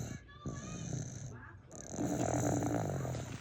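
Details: Loud, rough, rattling snoring from a sleeping, exhausted adult man, with household noise in the background.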